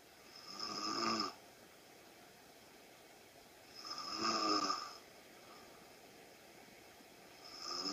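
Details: Rhythmic snoring from a sleeping adult, about 17 rough breaths a minute, with quiet pauses between.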